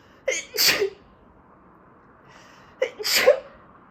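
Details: Allergy sneezing fit: two sharp sneezes, each with a quick in-breath before the burst, about two and a half seconds apart, in a quiet room.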